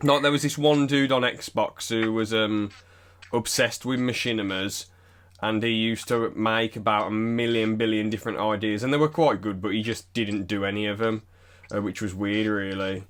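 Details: Adult male speaker; typical speech.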